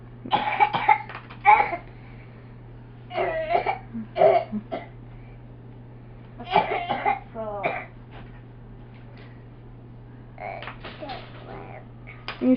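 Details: A young child's coughing fit: several short clustered coughing bursts with a steady low hum in the background.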